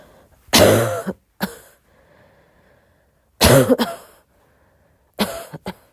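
Three cough episodes, each a loud cough followed by one or two smaller ones, in a quiet room.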